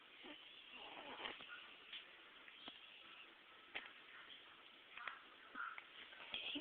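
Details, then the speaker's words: Faint, sharp little clicks recurring about every second from a small pet named Luke: hiccups. "Hey there. You got hiccups?"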